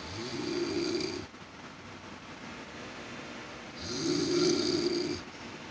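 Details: Grandmother snoring in poor-quality audio: two loud, rough snoring breaths about four seconds apart over a steady hum, suspected to be an air conditioner.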